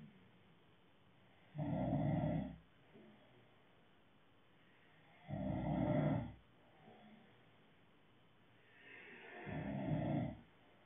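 Three loud, rough snores on the in-breath, about 15 breaths a minute, with quiet pauses between them.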